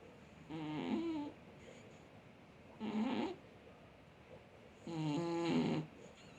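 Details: Cat snoring in sleep: a deep, voiced, rattly snore on three breaths in about six seconds, quiet between them.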